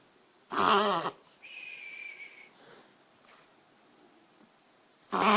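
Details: Dog's reverse sneezing episode, described as easy to stop: loud snorting gasps through the nose in bursts with short pauses between them.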